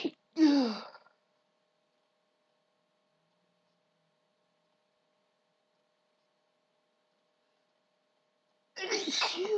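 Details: Two loud, explosive sneezes with several seconds of silence between; ordinary sneezing.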